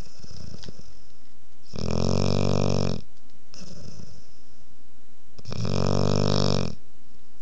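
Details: 5½-month-old female Boerboel puppy asleep with her head on a lap: two long, loud, low rumbling snores about three seconds apart over a steady background hiss; ordinary snoring.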